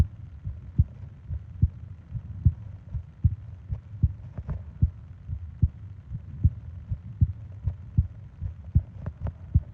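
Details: Heartbeat and breathing sounds recorded as a 20-minute sleep-aid ASMR: steady, regular low thumps at about 76 beats a minute with a soft low hum behind; normal heart rhythm.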